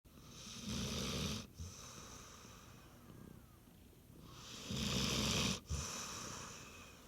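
Two loud, rough, rattling breaths drawn in several seconds apart, each ending in a brief snort: heavy snoring from a sleeping dog.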